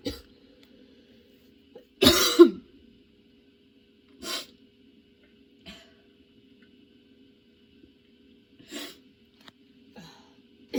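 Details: A prolonged coughing fit: one harsh burst, then several smaller coughs spaced by quiet pauses over about ten seconds. The cough came on suddenly and worsened, with tears and nonstop coughing despite changing positions.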